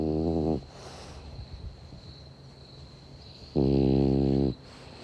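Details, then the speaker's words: Sleeping French bulldog snoring outdoors at night: two droning snores separated by a quiet pause, with summer crickets chirping in the background. "a video of the moon and the clouds dancing past it over the coffs harbour jetty forshaw for sure whilst my french bulldog snores and the summer crickets chirp in the background"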